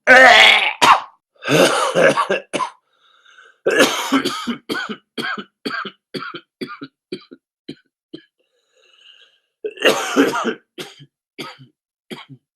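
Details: Repeated bouts of harsh coughing and throat clearing, many short coughs in quick runs separated by pauses; a smoker who mentions running out of cigarettes.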